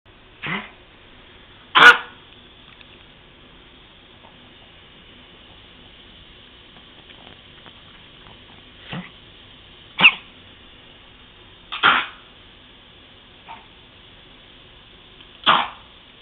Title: pug zoey coughing